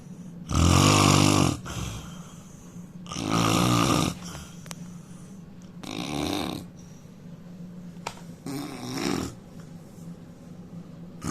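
Loud, harsh snoring on four breaths in about eleven seconds, the later snores softer, with a low background hum.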